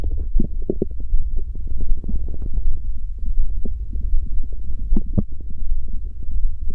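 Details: Stomach growling recorded for ASMR, sound won't stop: continuous low rumbling and bubbling with scattered gurgles, no pause throughout; prolonged borborygmi.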